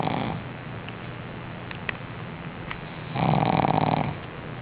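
Loud, rough, low snoring breaths from a sleeping pug, one long snore near the end; noisy breathing through a narrowed upper airway.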